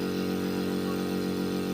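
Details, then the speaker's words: Hicks piston compressor nebulizer, AC-powered, running with air drawn in at the inlet and pushed out at the outlet; steady loud motor hum with low buzzing drone; compressor nebulizer running. "এটা যাচ্ছে, এটা টেনে নেবে, ধরে নিচ্ছে, একদিকে হাওয়া ঢুকছে, একদিকে হাওয়া বেরিয়ে যাচ্ছে।"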